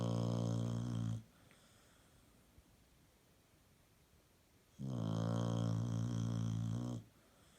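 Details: Female dog napping after a hard day at play gives loud, deep, rattling snores with quiet pauses between them; snoring in sleep.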